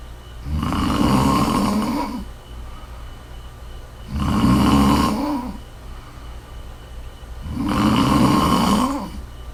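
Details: Loud, rattling snores on each inhalation, about 17 breaths a minute, with quiet exhalations between; steady snoring during sleep.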